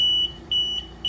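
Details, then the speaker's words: Simulated low-flow alarm on an Invacare oxygen concentrator, flow knob turned down until the ball reaches bottom: repeated fast high-pitched beeps, about four a second, over faint machine hum, like the kinked-tubing alarm. "And we should hear an alarm start up anytime now. So like the kinked tubing alarm, you'll notice it's that fast beeping."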